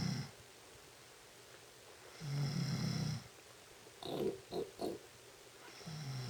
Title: Sexy Girl Noisy Snoring